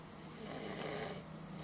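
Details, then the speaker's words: Toddler nearly 3 years old, asleep before gymnastics class with chocolate in her mouth, filmed on a Flip Video camera: a soft, brief rattling breath; light snoring. "is gonna be 3 in a few days and she's snoring before her gymnastics class."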